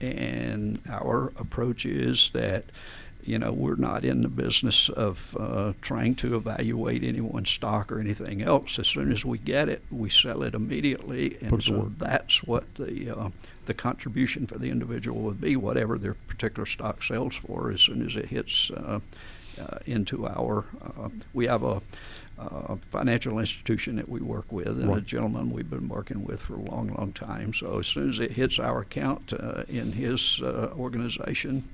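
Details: Adult man with adductor spasmodic dysphonia, a rare neurological voice condition with onset around 1999-2000: laryngeal muscle spasms slam his vocal folds together, so speaking takes more effort; treated with botulinum toxin injections below the Adam's apple; adductor spasmodic dysphonia.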